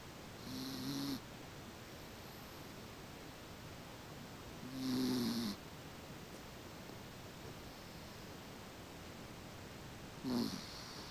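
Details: Female sleeping in a new bed, snoring: three soft, rough, rattling breath sounds a few seconds apart over steady room noise.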